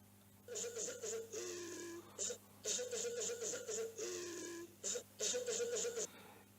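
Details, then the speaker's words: Paroxysmal pertussis-like (whooping) cough example: two coughing fits, each an inspiration followed by multiple rapid expiratory cough bursts, with a drawn-in, whooping breath between fits. "Vamos a ver tosquintosa acoplada o coquilichoide. Hay una inspiración seguida de múltiples accesos expiratorios."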